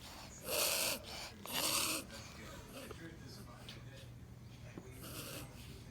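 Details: Small pet sneezing: three short, sharp, hissing bursts of air through the nose over faint room noise.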